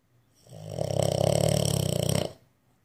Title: Snoring bulldog